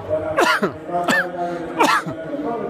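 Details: Adult man, just after finishing a hard city run and out of breath, gives three harsh, abrupt coughs after exertion over steady outdoor background noise.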